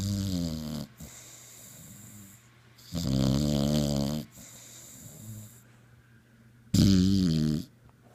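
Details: Snoring in a sleeping dog: loud, rattling, buzzing snores on each inhalation with quieter exhalations, about 17 breaths per minute.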